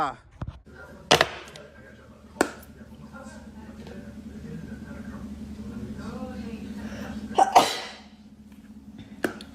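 Several sharp, explosive sneezes in a small room with a steady background hum; ordinary sneezing.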